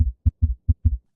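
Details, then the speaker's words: Heart failure: heart sounds with a soft, low extra beat just after S2, giving a three-beat gallop, a slushing sound of blood rushing into a volume-overloaded failing ventricle as it fills: an S3 gallop. "This results from blood rushing into a volume overloaded failing ventricle. Think of it as a little slushing noise that occurs as the ventricle starts to fill again."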